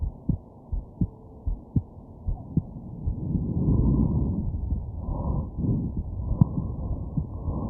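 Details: Low, somewhat uneven heartbeat thumps, later masked by breathing and body noise, with occasional sharp hiccup jolts, recorded at night while sick with a stuffed-up nose.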